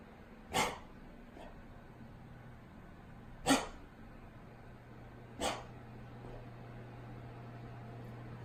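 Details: Three short, sharp, harsh coughs from a dog, spaced a few seconds apart, over a low steady hum; owner wonders about kennel cough or a respiratory virus.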